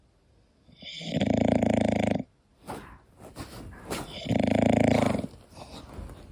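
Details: English bulldog sleeping and snoring: two loud, rough, rattling snores on the in-breath, with quieter breathing between them.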